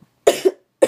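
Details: Person who says they have a cough, talking about their yoga flow: two short, sharp coughs in under a second in a quiet room.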